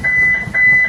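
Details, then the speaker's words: Defibrillator charging tone in simulated cardiac arrest resuscitation: two steady high-pitched electronic tones with a brief gap as staff call "everybody but compressions away, charging." "So everybody but compressions away, charging."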